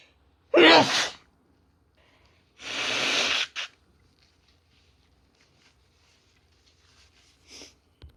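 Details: Two loud sneezes, the second deeper and wetter, then a faint sniff, from a woman with a common cold; sneezes clipped over several days, growing deeper, wetter and hoarser as the cold takes hold.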